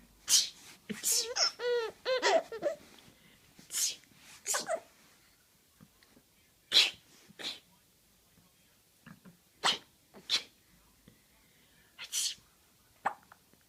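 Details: 3-month-old baby girl giggling and laughing between her mother's several sharp, explosive sneezes in a quiet room; sneezing.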